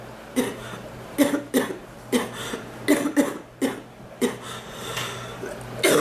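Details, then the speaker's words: A woman coughing repeatedly, saying it hurts her chest and back, more her back, to cough: short harsh coughs, about nine in six seconds, some in quick pairs. Ongoing cough. "oh it hurts my chest and my back more my back than my chest to"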